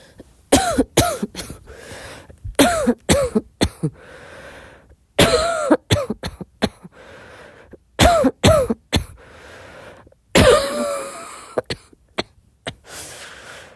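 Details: Coughing fit at 4 a.m., tagged as a girl's barking cough with wheezing: repeated bouts of harsh, partly voiced coughs, three or four per burst, with brief pauses between bouts.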